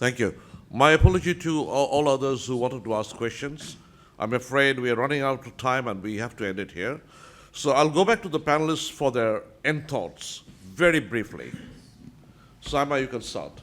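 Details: Adult man speaking; normal voice.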